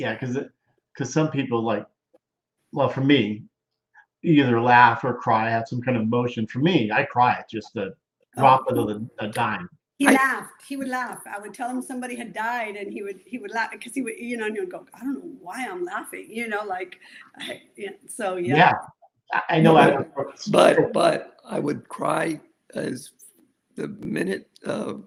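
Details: Male stroke survivor with aphasia after a severe stroke, over a decade of rehabilitation; aphasia.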